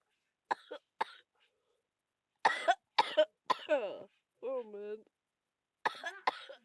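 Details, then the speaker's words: Several short, harsh coughs in bursts with groaning between, from someone feeling very ill with a recurring bad cough and cold. "You might not know why I'm like this. It's because I still have the bad cough and colds again."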